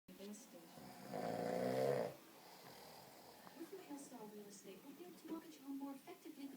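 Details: Philip (Phil) snoring while asleep: one loud, rattling snore followed by softer snorting breath noises; ordinary snoring.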